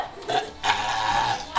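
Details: Burp contest: a short burp, then a long, loud, drawn-out burp of about a second with a croaking tone, amid laughter and applause.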